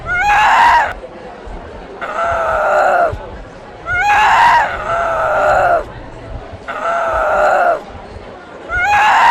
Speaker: In the hospital, a young woman who shouted like a possession.